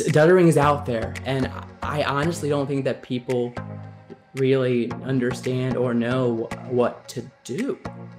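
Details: Man who describes himself as a person who stutters; stuttering.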